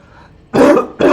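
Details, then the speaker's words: An adult who says they were incredibly sick gives a harsh burst of coughing, then a second short cough after a quiet start. "one I was incredibly sick which is why I'm coughing in the next few videos that you'll hear me in there it is"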